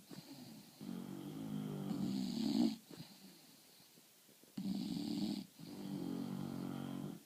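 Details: Two English bulldogs snoring: rattling snores on the in-breath with softer sounds on the out-breath, in a quiet room.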